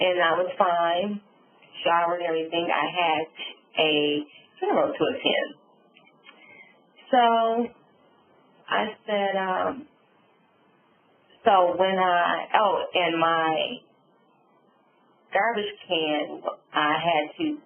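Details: Adult female stroke survivor with aphasia and apraxia after a subarachnoid hemorrhage and stroke, with word-finding difficulty; aphasia with apraxia of speech.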